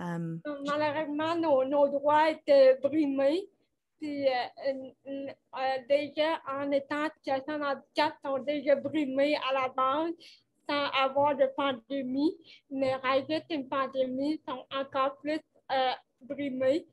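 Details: 29-year-old woman with cerebral palsy caused by lack of oxygen at birth, speaking French in an interview; she appears to mention speech difficulties; finding: dysarthria associated with cerebral palsy.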